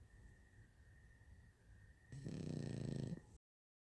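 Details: A single low, rattling snore lasting about a second over a faint steady room hum, from a sleeping young shar pei puppy: snoring.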